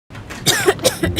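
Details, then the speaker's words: Adult in a cough syrup commercial gives a quick run of about three short, harsh acted cough bursts with throat clearing. "अब किसको कौन सा cough syrup दूं खांसी के कई कारण हो सकते हैं"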